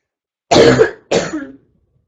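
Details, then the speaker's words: Girl reports mucus at first but none now, and difficulty breathing without coughing, saying she got sick; two harsh, dry cough bursts run into throat clearing with no loose mucus rattle; cough with throat clearing. "I did have mucus at first, but now there's no mucus. Now it's just really hard for me to breathe [cough] >> without coughing."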